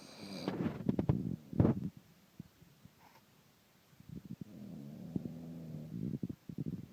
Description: Caught my wife snoring again, man she keeps me up doing this.